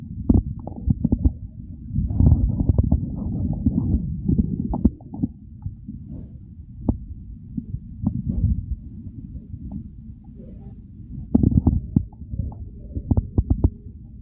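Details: Real recording of hunger stomach growls during the hungry phase before eating: low, rolling growls with gurgling bursts, normal bowel sounds (borborygmi).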